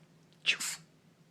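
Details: A dog sneezing on cue as a trick: a single quick, hissing nasal burst.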